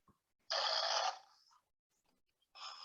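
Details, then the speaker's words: Loud, harsh, rasping inhalation, then a pause and the start of another: someone snoring, recognized as sounding like a grandmother who snores loudly. "last one that one i recognize because nana does that a lot and you can hear her from outside her house it's somebody snoring"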